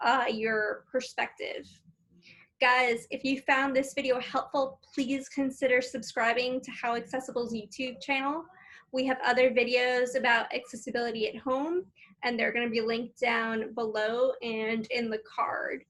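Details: Adult woman; Normal speech.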